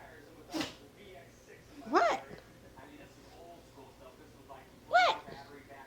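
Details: Sneezing from a small female dog.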